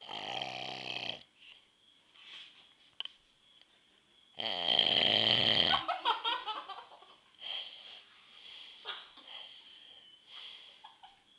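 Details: Father snoring: loud rattling snores on inhalation, two clear bursts, with quieter breathing between; background room sounds.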